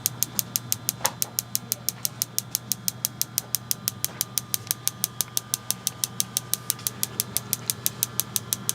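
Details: Rapid, very regular sharp clicking pulses, about five per second, from a shockwave therapy device on a patient's substantially swollen area, with pressure adjusted to patient feedback.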